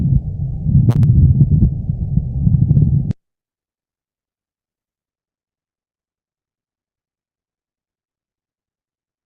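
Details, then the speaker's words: Auscultation of the thorax in an animal: low, rough grating rumble for about three seconds, heard during inspiration and expiration, distinct from bronchial and vesicular sounds; pleural friction rub. "Jadi Anda bisa mendengarkan suara yang eh, timbul pada saat inspirasi dan ekspirasi, tapi bukan merupakan bagian dari suara bronchial maupun suara vesikular."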